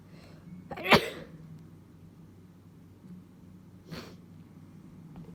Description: I have a minor cold and a small fit came over me